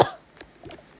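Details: Single sharp cough from a child with hay fever and mucus down the throat, followed by faint throat noises in a quiet room.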